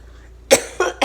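Three short, harsh cough bursts in quick succession; coughing in an adult with cystic fibrosis during an episode of coughing up blood.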